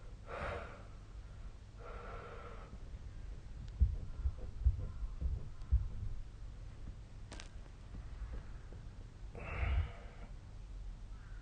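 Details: Sleeping person recorded on 2025/05/01, with the SnoreLab snoring app linked: a quiet room with a few soft, noisy breaths and low thumps; intermittent snoring.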